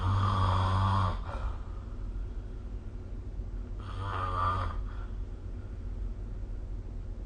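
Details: Adult snoring recorded with the SnoreLab app: two loud, rattling snores on breathing in, a few seconds apart, in a quiet room.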